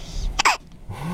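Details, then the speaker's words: Infant boy with a pacifier (passy), hiccupping repeatedly: a single short, sharp hiccup with soft background sounds before and after. "I don't like those hiccups. If they weren't so cute. They're the cutest hiccups"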